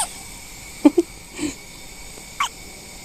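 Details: Baby girl exactly 1 week old, still in the NICU, irritated and grabbing at her face: soft, abrupt little gulping sounds, a few in three seconds, over quiet room noise; hiccups.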